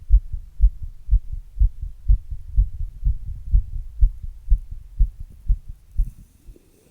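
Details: Own heart sounds after exercise, recorded with an earbud microphone and a glass: fast, regular low thumps at about 120 a minute, a normal quickened heartbeat after exercise.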